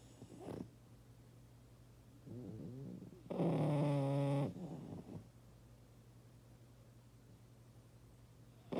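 A few low, buzzing breath sounds separated by quiet pauses, one louder and tonal, fitting snoring.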